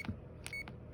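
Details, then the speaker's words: Short electronic keypad beeps as up/down arrow keys are pressed to view delivery settings on a CADD Solis ambulatory infusion pump in PCA mode, 100 ml reservoir, continuous infusion stopped; normal device sound. "view delivery set so use your up and down arrows and get to view delivery settings and select"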